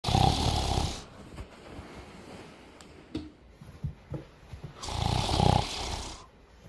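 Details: Two loud, rattling snores about four seconds apart, with quiet shuffling between, from a sleeping adult man (a dad); ordinary heavy snoring in sleep.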